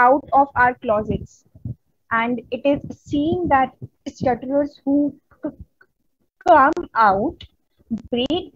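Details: Adult woman who stutters, a member of an Indian stammering self-help association, presenting on women and stuttering at a 2022 stuttering conference; stuttering.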